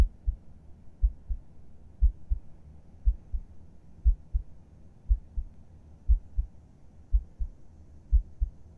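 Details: Adult's resting heartbeat heard with a head on the chest, in a falling-asleep ASMR roleplay: steady, soft lub-dub beats at about 60 a minute, even and regular; normal heartbeat.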